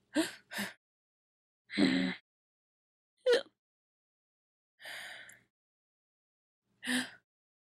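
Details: Animated short, not a real recording: six brief, sharp voiced catches of breath, spaced irregularly one to two seconds apart, separated by silence; hiccups.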